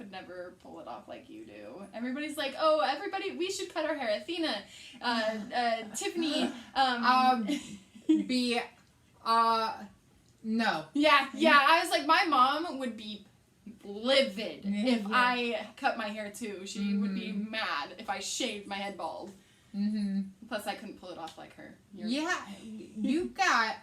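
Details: Young woman speaking; Normal conversational speech.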